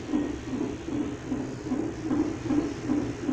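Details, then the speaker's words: Fetal heartbeat of a baby girl heard on a Doppler monitor at hospital before birth: fast, steady, strong whooshing pulses, about 150 beats per minute. "Olha o coraçãozinho dela, gente. Tá batendo forte."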